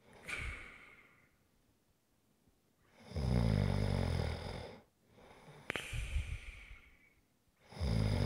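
Loud rattling snores on each in-breath, with whistling breath out between them, about two breaths in eight seconds: snoring.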